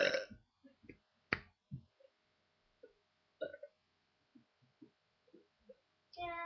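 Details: Girl burping on purpose: several short voiced burps, some loud and some faint, scattered over a few seconds in a quiet room.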